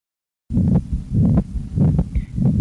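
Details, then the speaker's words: Muffled heartbeats heard at the mitral area, fifth intercostal space left midclavicular line, with a whooshing sound filling the gap between S1 and S2: a systolic murmur of mitral regurgitation. "so we hear the wishing in the first between the lap and the dub not between the dub and the love so that means if it's between the love and the dub the s1 and s2 that's system"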